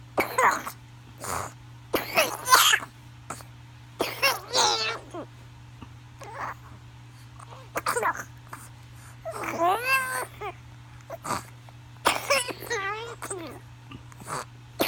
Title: Pertussis cough and wheezing 1